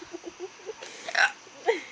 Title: Flashback Friday #2 :Drunk girl with hiccups